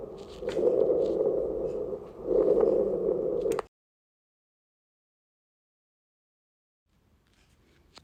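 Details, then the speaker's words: A demonstration of rhonchi on lung auscultation: low-pitched, rumbling, snoring-quality breath sounds, possible in inspiration and expiration but more common in expiration. "roncos este som ele pode ser como um tanto na inspiração quanto na expiração porém ele é mais comum na expiração"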